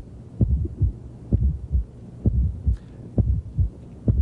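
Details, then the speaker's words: Teaching recording of a fourth heart sound (S4): dull, low-frequency extra sound just before S1, heart rate about 65; from a stiff, noncompliant left ventricle, e.g. hypertrophy, coronary disease, hypertrophic cardiomyopathy. "but with atrial systole the ventricle has to stretch a little more net vibrates which creates the fourth hearts and"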